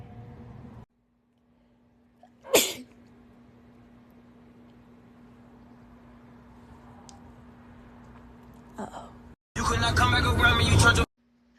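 A single sharp, explosive sneeze in a quiet room, followed later by a stretch of loud rushing noise.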